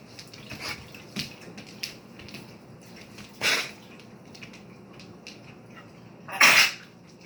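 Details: Dog coughing: two sharp, harsh cough bursts with small clicks and shuffling noises between them.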